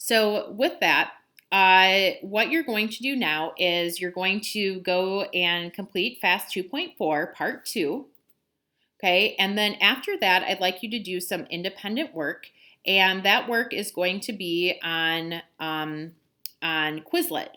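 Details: Adult speaker; normal speech.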